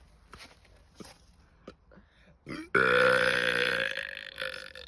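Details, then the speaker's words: A deliberate belch demonstrated by swallowing air: faint gulps of air, then one long, loud, rumbling belch of about two seconds; burping. "Toto je názorná ukázka Představte si to no a teď už víte jak krknout"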